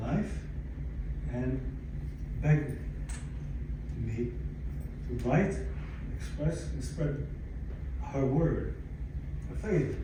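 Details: Aphasia in a 62-year-old man, acquired after a stroke in December 2011 following cardiac ablation for arrhythmia; in speech therapy at an aphasia center.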